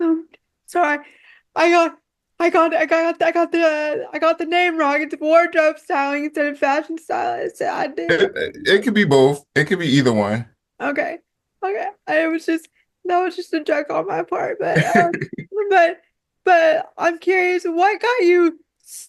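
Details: Woman with quadriplegic cerebral palsy affecting her whole body, including her speech; dysarthria (cerebral palsy).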